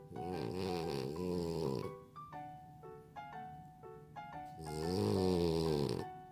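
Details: French bulldog snoring, tagged as a reason for the owner's insomnia: two long, loud, rattling snores with light music playing in the gap.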